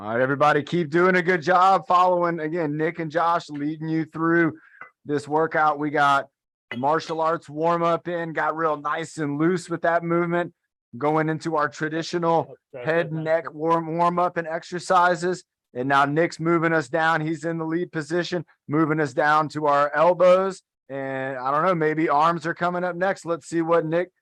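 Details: Adult male speaker; normal speech.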